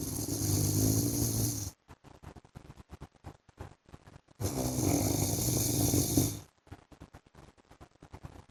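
Two long, loud, rough snores of about two seconds each, separated by fluttering, clicking breath-out sounds; heavy snoring.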